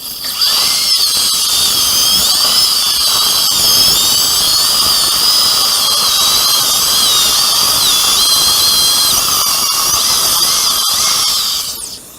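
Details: Sustained high-pitched dental handpiece whine, wavering under load, then stopping: a diamond bur sectioning an upper second molar with fused roots for immediate implant placement with no sound bone under the sinus floor.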